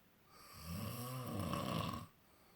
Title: More Snoring!